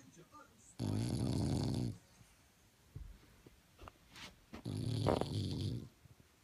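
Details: Bulldog puppy snoring: two loud, low, rattling snores with quiet pauses between them; faint room noise.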